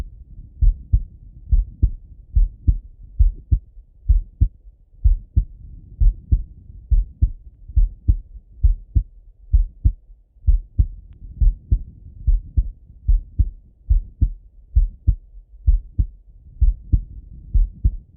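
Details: Male, heart auscultated by stethoscope while sitting at a desk or lying in bed: steady paired lub-dub at about 67 a minute, clear and without added sounds, normal heart sounds.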